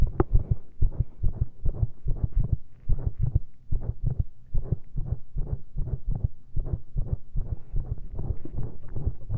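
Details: Heart sounds via stethoscope with a lav mic, standing and straining into pressure after drinking lots of caffeine: fast, uneven heartbeat with frequent early beats and brief pauses, many skipped beats or premature ventricular contractions.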